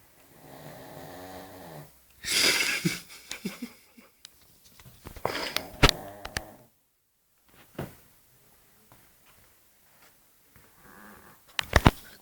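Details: Dog snoring loudly like a grown man: slow, rattling, snorting breaths in sleep, with louder snorts and pauses between.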